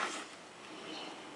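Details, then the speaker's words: Steady rushing hiss of constant-pressure air from a sleep apnea CPAP machine with humidifier, mask taken off the face so the airflow is heard; used for about a week. "But anyway, you basically just strap this thing on your face like so, and hit the button, and then air starts rushing."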